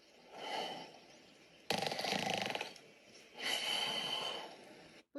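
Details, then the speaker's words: Snoring sample in WAV format from a deep-learning snoring-detection dataset for a vibrating pillow system, played through a speaker: harsh, noisy breathing in two long bursts with a fluttering rattle; snoring. "Eee, bir de bir olanlar var. Eee, bu da horlama seslerinin vav halleri."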